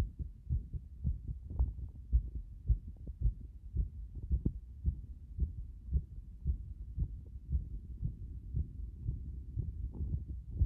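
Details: Heart sounds with frequent arrhythmia: muffled heartbeats near 110 per minute, coming unevenly with broken spacing, an irregular rhythm with frequent extra or skipped beats.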